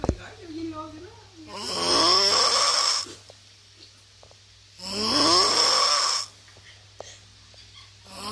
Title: Thánh ngũ ngáy số 1 thế giới (The world's most snoring superhero)